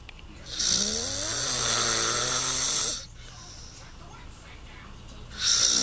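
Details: Loud rasping inhaled snore of a sleeping father lasting over two seconds, with a rising groan at its start, then a quiet pause before the next snore.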